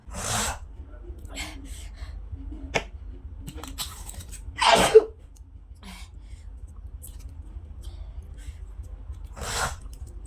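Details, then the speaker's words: Person with cold and dust allergy, sneezing all day, recurring every 2–3 days, triggered by dust, cold or water; several sharp, explosive sneezes across a few seconds in a quiet room; repeated allergic sneezing. "বন্ধুরা দেখতেই পেলে কি হাঁচলাম না আমি। এইরকম 2-3 দিন অন্তর আমার কোল্ড অ্যালার্জি আছে আর ডাস্ট অ্যালার্জি আছে।"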